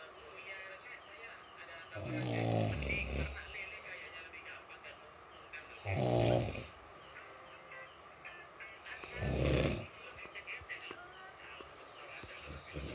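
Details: Snoring: deep, loud snores, about 18 a minute, over steady background noise.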